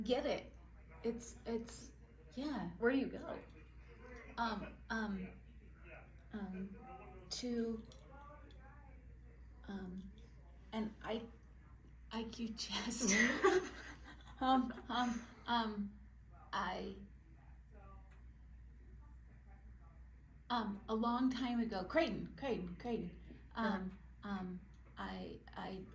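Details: Non-fluent aphasia after stroke in an adult woman, with word-finding difficulty, hesitations and paraphasias; verbal expression is hardest for her and comprehension is strong.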